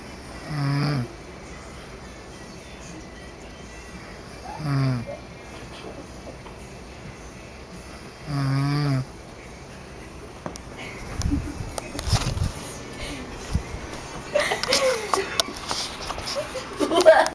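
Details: Woman snoring: three rough, rasping breath noises a few seconds apart, then rustling and background noise.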